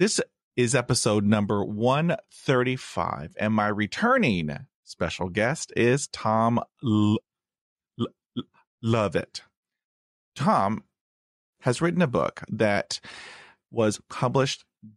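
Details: Stuttering in an adult man.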